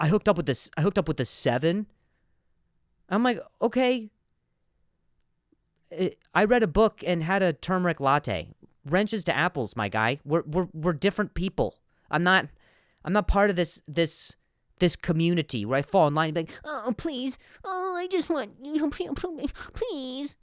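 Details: Adult male comedian who stutters and finds some words hard to say; stuttering.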